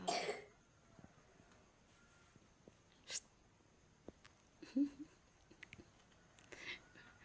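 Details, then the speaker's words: Child coughing after waking up; he drank iced pop ice drinks yesterday. A loud, harsh cough burst, then a second shorter one, with faint room sounds between: cough. "Hm Kok batuk sih le kemarin minum Ais ya"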